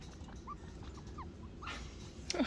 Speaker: chinchilla sounds Mama babies oh so sad oh my god listen to this baby are you forever gonna cry for Mommy so you're too big to be with Mommy no more